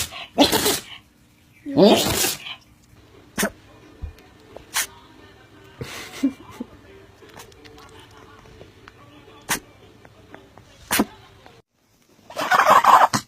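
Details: Compilation of cute small animals sneezing: several short, sharp sneezes among soft snorts over background music; sneezing.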